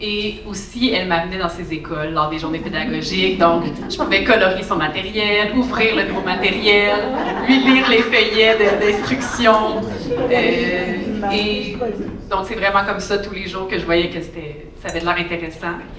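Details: Adult woman speaking French; typical speech.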